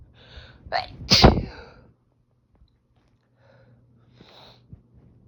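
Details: Sneezing fit with itchy, tickly nose, watery eyes and runny nose: a forceful sneeze with a gasping build-up, then quieter breathy sounds over faint room hum; a cat was meowing during the fit.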